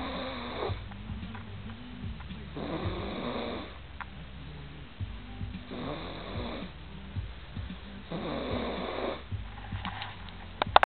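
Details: Soft, regular snoring in a sleeping cat, rising and falling with each breath, about four breaths in eleven seconds; harmless sleep snoring.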